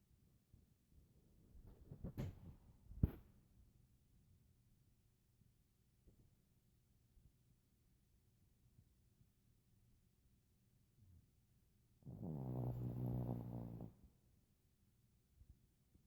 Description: Our smallest dog Bo can snore with the best of them.